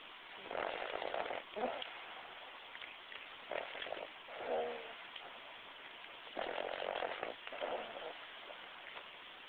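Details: Snoring during sleep: rough, fluttering breathing noises in slow cycles over steady room hiss, typical of an animal snoring.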